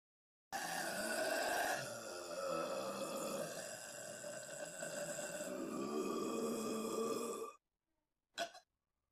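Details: A long, drawn-out, rumbling burp lasting about seven seconds, then a brief sharp sound, in a staged cartoon-style recording of a very gassy female subject.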